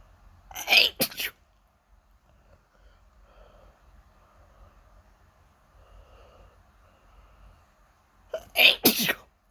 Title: Wake up...And then, nose itchy...sneeze, sneeze and sneeze (Please read the description)